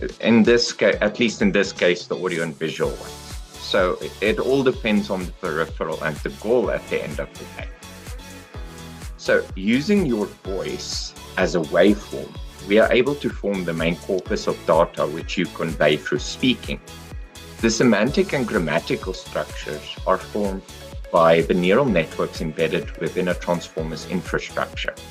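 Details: Adult male speaker; normal speech.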